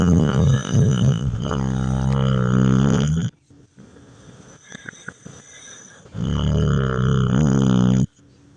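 Two long, loud, buzzing, rattling breaths about three seconds apart with quiet pauses between: loud snoring.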